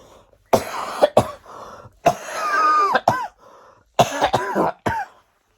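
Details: Child on day 24 of a lingering cough: about nine harsh, voiced coughs in short clusters, some with a throaty drawn-out tail.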